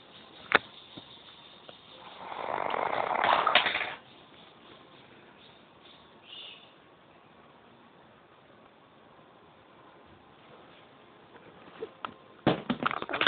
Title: funny snore